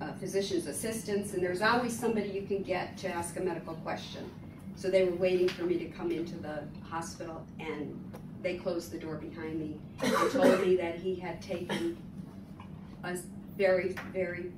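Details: Adult woman; typical speech.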